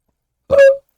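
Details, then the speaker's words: A single brief, voiced belch after drinking a melon soda, from someone with retrograde cricopharyngeus dysfunction (no-burp syndrome) after Botox treatment; among the first burps, felt at the back of the throat. "Oh, you hear that? That's a [ __ ] burp. Holy [ __ ] That's a straight. Well, it sounds like by [ __ ] sounds. But it like I felt the burp at the back."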